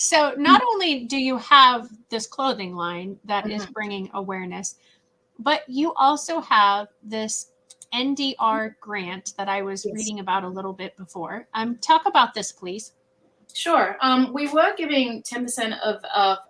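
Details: Adult women in conversation; typical speech.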